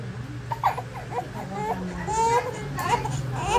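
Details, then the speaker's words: Baby at the second vaccination visit, after oral polio vaccine, crying during injections for tetanus, Hep B, pneumonia and meningitis: short broken whimpers rising to louder wails amid room noise, a pain cry. "Ipaparinig ko nga rin sa inyo kung paano yung iyak niya. Parang nakakaramdam na nga siya dyan, natutusukin siya."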